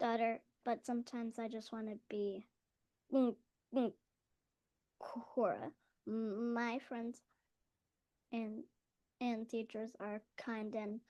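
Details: School-age girl who stutters and receives speech therapy: stuttering.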